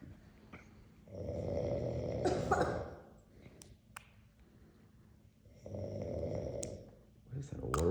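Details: Heavy snoring in sleep: loud, rough rattling snores on each breath in with quiet gaps, about two breaths over eight seconds.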